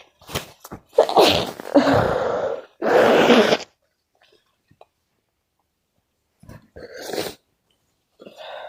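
A quick run of sharp, explosive sneezes, some with an in-breath before them, then quieter sounds after a pause; repeated sneezing.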